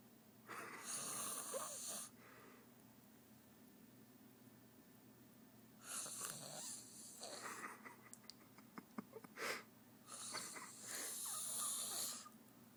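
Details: Three loud, rough, noisy breaths about four seconds apart over a steady room hum, from an adult woman asleep on a couch, audible from another room; heavy snoring.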